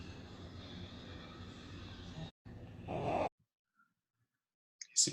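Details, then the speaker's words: Low, coarse, rumbling snoring-like breath sound, then a brief louder breath, shown as an example of ronco in a paediatric otolaryngology lecture on subglottic hemangioma; rhonchus from secretions in the larger airways. "legal eu vou mostrar aqui alguns exemplos de ronco conhecer uma ideia quem tá diferente a isso daí"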